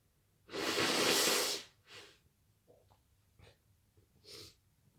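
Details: Sneezing after a garden workout: one loud, long, hissing sneeze burst followed by softer sniffs and breathy sounds.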